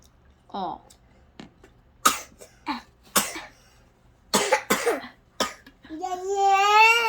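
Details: Baby girl, early April 2023, ill with night fever, two mouth ulcers on the tongue and poor appetite for days: several short coughs with brief voiced sounds between, ending in crying or whining; cough.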